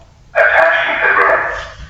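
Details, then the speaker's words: AED voice prompt from a training defibrillator during a first-aid demonstration: a brief synthetic spoken prompt asking for the pads to be attached, repeating until pads are on so it can analyse the heart rhythm. "so at this point it won't go any further it'll just keep telling you to attach the pads it won't go to the next step because it wants you to attach the pads"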